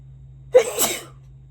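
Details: A single sharp sneeze, with a brief in-breath before a hissing burst of air; sneezing.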